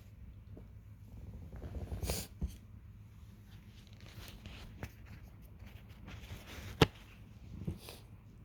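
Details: Short airy nasal sniffs and a brief blowing burst over low room hum: sniffling and nose blowing with a runny nose from the early stages of a cold, triggered by drinking tea.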